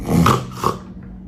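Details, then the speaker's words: Imitated loud, rough snorting gasp as breathing suddenly restarts after a pause in snoring, in an obese short-necked patient type with obstructive sleep apnoea. "এইভাবে হঠাৎ করে কি নিঃশ্বাস শুরু হয়ে যায়? 90% ক্ষেত্রে বলে হ্যাঁ। এই জিনিসটা জেনে রাখবেন, অবস্ট্রাকটিভ স্লিপ অ্যাপনিয়া।"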